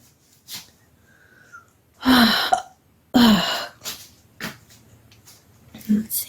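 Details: Hungry female late at night, not yet having had dinner: two sharp voiced 'hic' sounds a second apart with softer catches of breath around them; hiccups.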